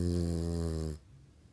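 A single loud, deep, buzzing snore lasting about a second, then quiet; snoring.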